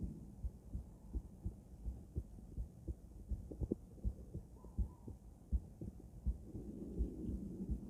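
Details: Adult female heart auscultated with various stethoscopes at Erb's point, then mitral, tricuspid, aortic and pulmonic areas: regular paired low thumps at about 80 beats a minute with faint rustle and hum, normal heart sounds.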